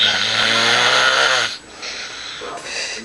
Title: April snoring